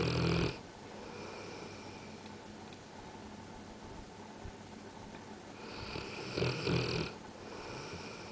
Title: Bullmastiff "Ajay" Snoring